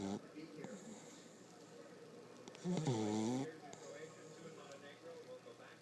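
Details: A single rough, vibrating snore from a sleeping puggle against quiet room noise.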